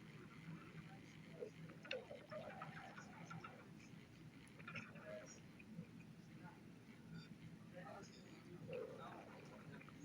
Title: Poppy's stomach growling 16